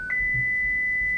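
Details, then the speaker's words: Audiometer pure-tone stimulus demonstrated during an explanation of bone-conduction hearing testing at 4000 to 6000 Hz; a steady pure test tone with a brief tone change at the start, likened to what tinnitus patients hear. "4000, 6000, eso es un tinnitus, para los que, eso es lo que sienten los pacientes con tinnitus."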